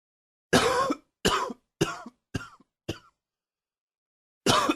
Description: A tickle that created some harder coughing.